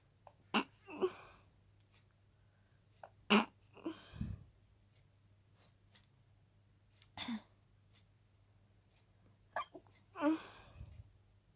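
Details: Night-time stifled sneezes: repeated harsh, choked bursts held back in the throat and nose, each with a brief breath before it. Sneezing.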